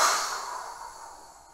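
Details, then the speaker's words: Spirometry exam, simulated in a teaching scenario: an adult male patient takes a deep breath, then gives one hard forced blow, like blowing out a candle. The rushing breath fades over about 1.5 seconds. "Kemudian Bapak saya minta memutuskan dengan kuat ya seperti meniup lilin bayangkan meniup Lilinnya atau meniup yang lain ya Bapak Ustad dengan kuat"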